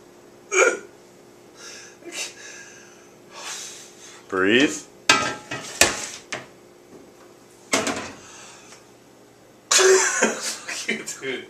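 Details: Several abrupt, sharp hiccups at irregular intervals with soft voicing and kitchen clatter; the person is described as trying to breathe: hiccups.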